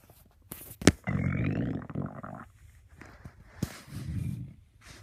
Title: 4 day weekend my stomach growling to early